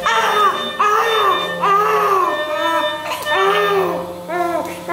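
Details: Baby with a cleft lip, crying before going into deep sleep: loud, rhythmic infant wails with breaths between them, over a steady room hum; a strong baby cry.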